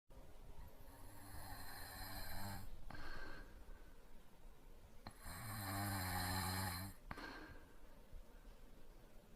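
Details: Boyfriend's light snoring during sleep: two slow, rattling inhaled snores a few seconds apart, with quieter breathing between.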